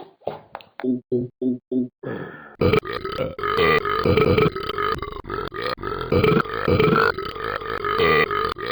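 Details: Male drinks and then burps: short choppy gulps, then a long, loud, drawn-out voiced burp lasting several seconds.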